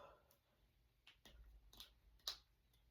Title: Cracking my fingers and knuckles. #jointcracking #knucklecracking #cracking #crackingasmr